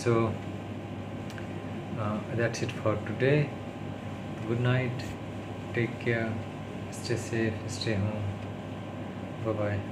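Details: Adult man who stammers, speaking English on day 36 of daily speech-therapy practice; he calls it his worst stuttering, worsened by tiredness, stress and low mood; stuttering.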